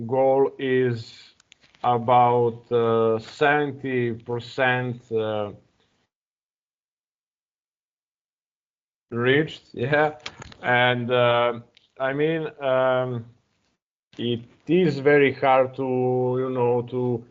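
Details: Adult man who stutters and still blocks when starting to speak, now working with a new therapist and practising a speech technique; stuttering.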